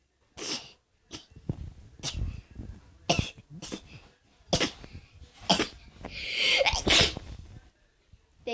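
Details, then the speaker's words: Sneezing deliberately induced by dipping an object and putting it deep into one nostril: a run of sharp, explosive bursts of air through the nose and mouth, heard as repeated sneezes. "A way to get yourself to sneeze. First, you take this, and then you get this."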